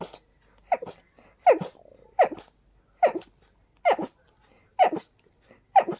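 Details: Allergy attack from very high sensitivity to pollen and dust, without allergy medication: rapid run of about seven sharp, breathless sneezes in six seconds with short gasps between; allergic sneezing.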